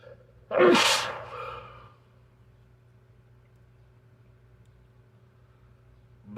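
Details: One forceful sneeze with a sharp burst and fading breathy tail from an older person drinking malt liquor who feels their nose clogging; sneeze.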